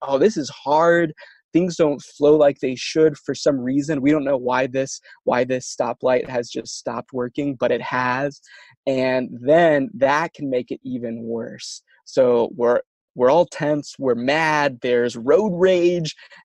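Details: Adult who stutters, with words and syllables getting stuck and not produced at the right time; stuttering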